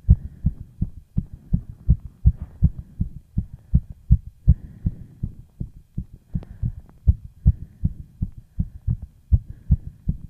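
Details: Fast, steady low thumps of a heartbeat; a rapid heartbeat consistent with tachycardia.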